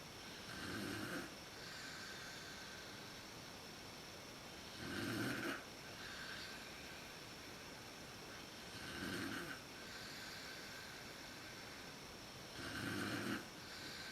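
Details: Mother snoring in a dark room, recorded on a PowerShot SX130IS camera; snoring worst at sleep onset. Steady rumbling snores on each inhalation, about 15 a minute, over a constant background hum: snoring during sleep.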